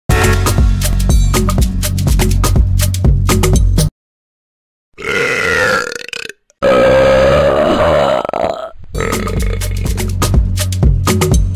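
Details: Compilation of funny burp sound effects: loud background music, then a long, low, rumbling two-part burp during a break in the music; belching.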